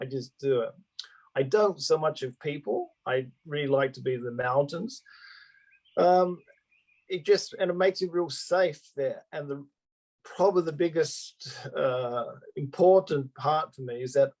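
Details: Adult male Australian-born stroke survivor living in Japan with aphasia after his stroke, speaking spontaneously; real post-stroke aphasia.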